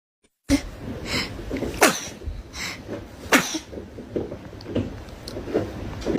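Several sharp, explosive nasal bursts in a row with noisy breaths between them: a series of sneezes.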